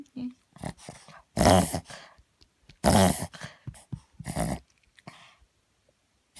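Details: Repeated loud, snorting inward gasps in quick bursts from a Cavalier King Charles Spaniel; reverse sneezing of unknown cause, which tends to happen on waking, excitement or nervousness and settles within a minute.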